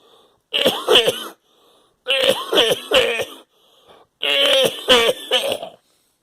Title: I am coughing